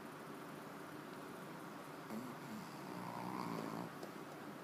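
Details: A sleeping dog, tongue hanging out, snoring with soft, rough sounds over steady room noise.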